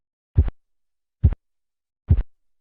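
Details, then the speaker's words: Three soft, muffled, low-pitched thumps heard over the brachial artery during manual blood pressure measurement as the cuff deflates: phase 4 Korotkoff sounds, marking diastolic pressure in children and about 20% of pregnant women. "La fase 4 va acompañada de un claro ensordecimiento del ruido,"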